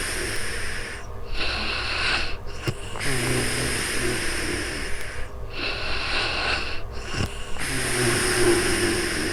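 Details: Adult snoring during real-time sleep, recorded with a new microphone: rhythmic noisy breathing with rough, rattling snores on each breath, about 13 breaths a minute, over a low steady background hum.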